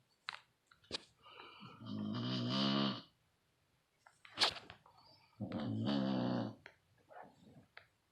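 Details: Loud, rattling, voiced snores from a dog, two about a second long, with quiet pauses and soft breathing between them.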